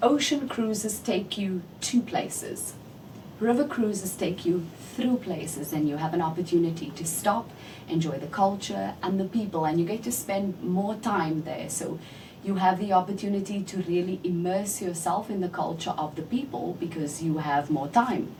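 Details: Adult woman speaking; typical speech.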